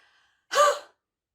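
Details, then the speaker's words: Demonstration for chronic lung disease chest clearance, active cycle of breathing: deep breath in, then one short, sharp open-throat exhalation to move secretions up; huff, forced expiratory technique. "this is a short sharp exhalation trying to encourage any secretions which are in the lungs up into the throat area of the chest it involves a deep breath in and then as I said a short sharp exhalation something like this"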